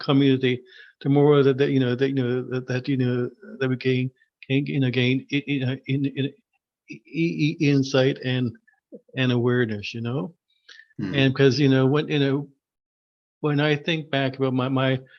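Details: Adult man who stutters, formerly severe and covert with secondary characteristics; word repetitions heard in this stretch; stuttering.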